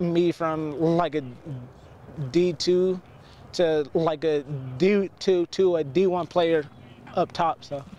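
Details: Male high school quarterback who stutters on simple words and phrases, has had speech classes since 8th grade with steady improvement, and whose stutter largely stops with his helmet on; stuttering.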